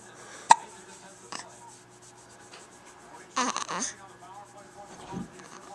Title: the plight of the hiccup